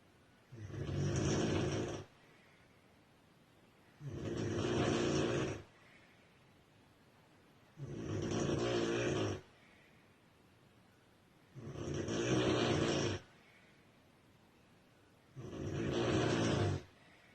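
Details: Female sleeper snoring heavily: loud, rough snores on each inhalation, about 16 per minute, with quiet pauses between; regular heavy snoring.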